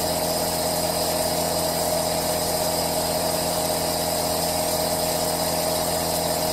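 Steady mechanical motor hum with a constant hissing airflow and no breaks, the continuous sound of a running aerosol nebulizer compressor.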